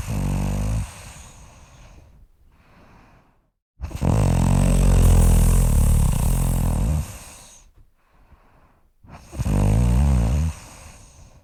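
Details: Deep, loud, vibrating snores, each lasting a few seconds, separated by short quiet pauses; heavy sleep snoring.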